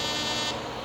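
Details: Fractional laser resurfacing on a patient's neck using a small-dot laser making 0.3 mm channels, targeting the margins of hypopigmented skin; steady high buzzing tone as the fractional laser device fires.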